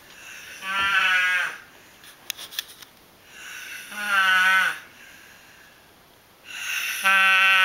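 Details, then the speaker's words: Loud, tonal, bleat-like, sheep-like snores, about three in 7 seconds, with quiet gaps and a few faint clicks, from an adult man (father) sleeping; loud snoring. "Daddy, you're snoring, man. Too much."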